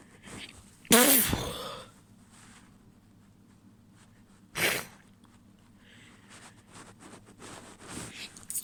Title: Wet sneezes, few stifles and a nose blow